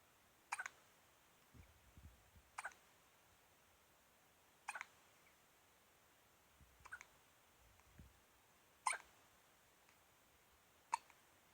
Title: Baby hiccups